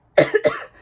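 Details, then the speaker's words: Two quick, slightly muffled deliberate coughs from an adult preschool teacher demonstrating coughing into the elbow ("cough pocket") instead of the hands; voluntary cough. "en you cough, you need to use your cough pocket like this. See this? That's a cough pocket."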